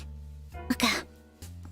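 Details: A single harsh throat-clearing burst during a livestream, over a steady background hum, then quiet; the streamer calls it one of her rare on-stream sneezes.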